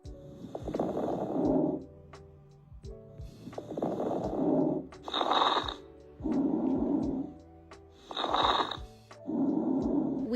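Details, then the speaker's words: Stethoscope lung sounds with brief, intermittent, scattered crackling pops during breathing, fine (like hair rubbed between fingers) or coarse (like velcro opening), from inhaled air meeting deflated alveoli or secretions: crackles. "there are two types of crackles fine and coarse these are intermittent and brief sounds fine sounds like when you move your fingers through your hair and course is like opening velcro this happens when inhaled air meets deflated alvioli or secretions"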